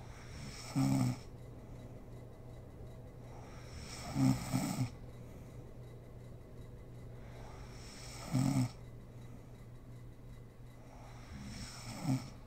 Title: SNORING MOM SLEEPING ASMR SERIES